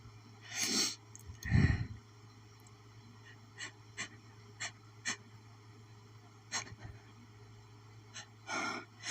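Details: Person's itchy sneezing fit from pollen, strong enough to double them over: several sharp, explosive sneezes with breathy intakes between them, over a steady background hum.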